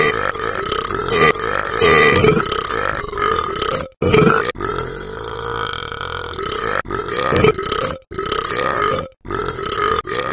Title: Burping and then you